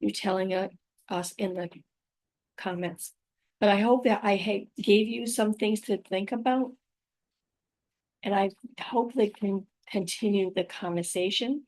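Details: Adult woman with aphasia, plus apraxia of speech and dysarthria, after a stroke about five years earlier; her speech can sometimes be hard to understand.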